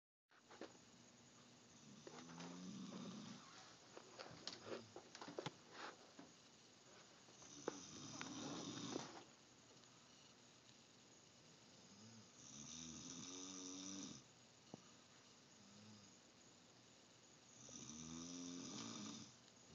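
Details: Snoring: repeated low, rumbling snores on breathing in, with quieter pauses and small sniffs between them in a quiet room.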